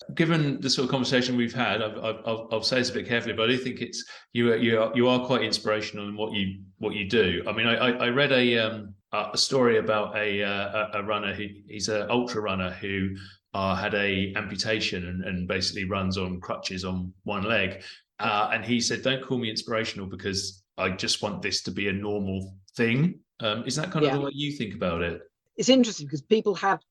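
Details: Adult male speaker; normal speech.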